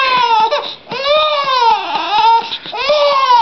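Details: Infant girl screaming while being burped: repeated tonal wailing cries with brief catches between them, an upset infant's cry.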